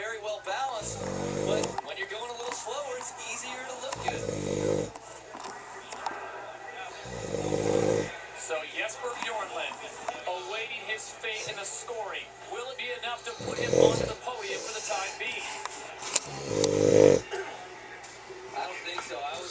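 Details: Irregular snoring bursts at about 19 per minute, heard over background noise and faint voices; snoring.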